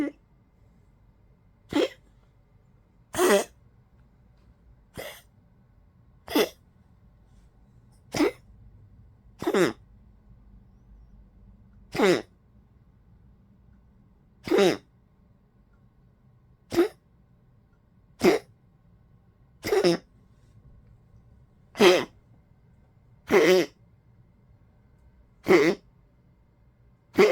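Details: Old Poodle with collapsed trachea: about sixteen short, sharp coughs at irregular intervals; tracheal collapse cough.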